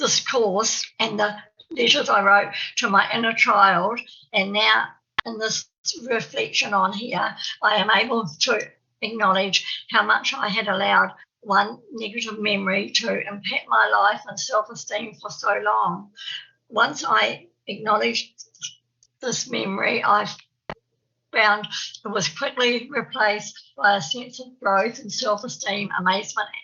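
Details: Real stammer (stuttering) in an adult woman from New Zealand who says she has a stammer, heard while she gives a conference presentation; stuttering.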